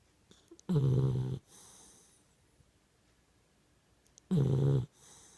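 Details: Young Pitbull dog snoring: two loud, low, rattling snores about 3.5 seconds apart, each followed by a softer breath out, in a quiet room.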